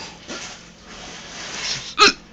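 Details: Adult man hiccups when a certain spot on his chin is poked or rubbed: a single sharp, brief hiccup after quiet breathing noise.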